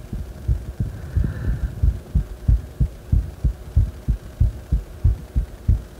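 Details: Heart sounds recorded lying supine after deep squats: regular low thumps at about 94 beats a minute with a faint background hum; mildly quickened rate after exercise.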